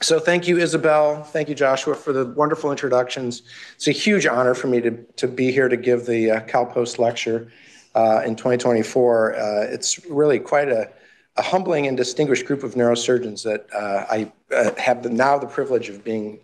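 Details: Adult male speaker, lecture hall; Normal speech.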